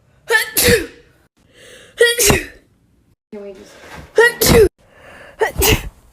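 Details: Woman sneezing: four wet, forceful sneezes, each with a voiced intake before the burst, in a quiet room.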